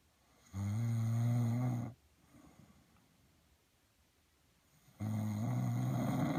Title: Got Caught recording hubby snoring!